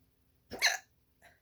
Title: Pinkie hiccups #2